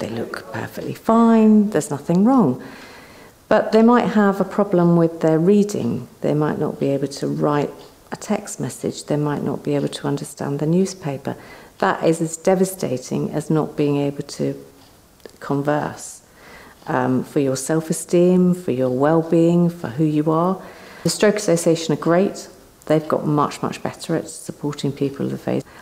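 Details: Adult speaker; normal fluent speech.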